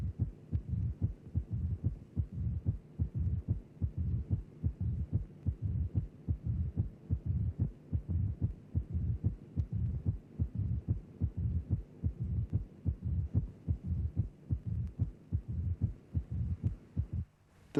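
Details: Simulated heart sounds from a cardiac auscultation teaching programme, regular at about 73 beats a minute: loud first heart sound with a low rumbling mid-diastolic murmur following the left atrial–ventricular gradient, mitral stenosis.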